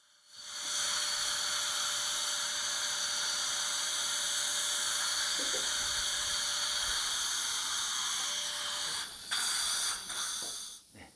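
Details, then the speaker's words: Female patient in her 40s, teeth #46 and #47 at a socket preservation site after surgical extraction: continuous high-pitched whine of a flattening drill run full length to flatten bone before guided implant placement. "In order to flatten the bone in the area where preservation was done, flattening drill is used."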